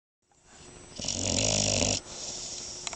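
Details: Dog in a deep sleep snoring: one rising, raspy breath, loud and hissy in the middle, with quieter breathing after; snoring.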